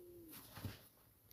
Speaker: Can you hear my stomach growling? Cuz I'm hungry.